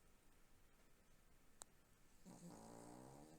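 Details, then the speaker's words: Female pet dog snoring, heard in a recording with saturated sound. "c'est ma chienne qui ronfle Cindy je t'écoute je ne pars pas je reste là"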